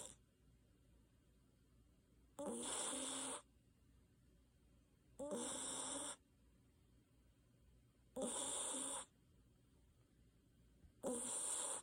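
Loud, harsh snores about every three seconds, roughly 21 a minute, with quiet gaps between breaths. Steady sleep snoring.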